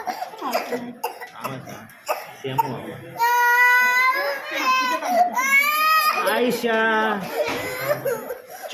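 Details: Infant girl during a blood test: loud, strained crying in bursts with catching breaths and adults soothing nearby, a typical pain cry.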